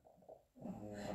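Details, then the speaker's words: Pet cat asleep, snoring very loudly; a brief, loud, rattling low snore rising out of quiet breathing. "C'est pire qu'un mec. Il ronfle, je sais pas si vous l'entendez. Là, il ronfle fort quand même."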